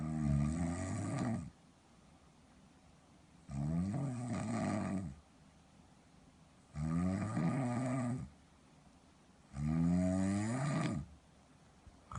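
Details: Four loud, rough snores about 1.5 seconds long, about 20 a minute, with quiet gaps; snoring in sleep apnoea, linked to CPAP; snoring in obstructive sleep apnoea.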